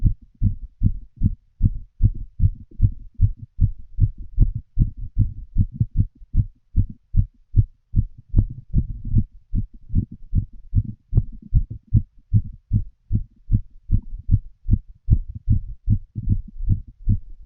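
Regular, rapid lub-dub heartbeat through a stethoscope, roughly 75 beats a minute, with no clear extra sounds.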